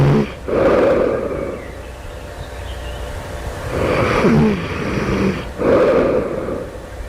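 Loud, harsh, rasping breath noises in repeated cycles with snorting quality: loud snoring.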